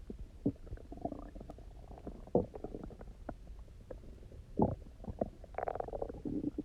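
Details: Stomach growling (borborygmi) after about 24 hours of eating almost nothing, then drinking lots of water while lying on the side: loud, resonant, irregular gurgling rumbles and bubbling, normal empty-stomach sounds.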